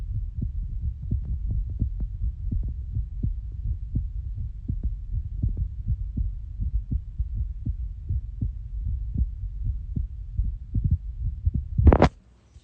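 Quick, steady low thumps of a heartbeat over a constant hum, ending with a loud handling noise.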